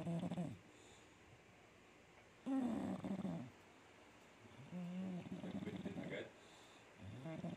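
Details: Sleeping English Bulldog gives loud, rattling, rumbling snores, about 25 a minute, with quiet pauses between breaths; snoring.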